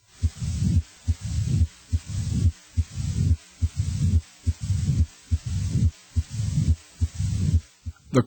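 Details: Low-pitched heart murmur.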